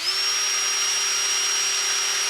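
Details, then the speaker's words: Electric dental handpiece (drill) running: steady, loud, sharp high-pitched whine, the louder and more aggressive-sounding of two electric handpieces compared. "A little more aggressive. This one wasn't as expensive, so maybe you don't want this one, but it's a little louder, but they're both electric."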